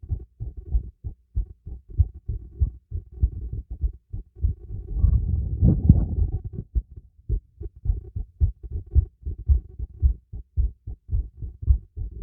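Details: Normal heartbeat heard through a stethoscope during light exercise: steady, fairly fast beat near 110 a minute, with a brief rush of breath noise in the middle.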